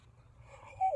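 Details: Adult with Tourette syndrome, onset about age 8 and diagnosed around age 12, letting out a tic that they identify as a vocal tic.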